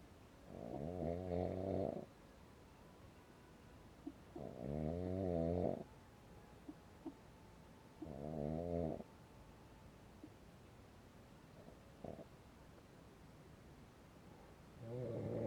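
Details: Snoring at 12:30 at night in a tent while moto camping on a windy mountain campground: regular low rattling snores about every four seconds with steady wind noise behind.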